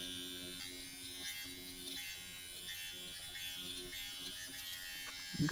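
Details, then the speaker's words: Steady high-pitched motor buzz with faint rhythmic tapping from a Dr. Pen microneedling pen at 0.5 mm depth, speed raised to level two, on the user's own neck. "I'm going to leave it at the 0.5 but I'm going to turn the speed up to the second revolution and see if I can handle that feels a little more intense but not by much"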